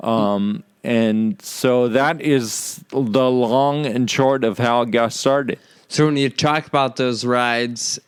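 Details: Adult man with Friedreich's ataxia, which causes slurred speech said to be audible in his talk; ataxic dysarthria due to Friedreich's ataxia.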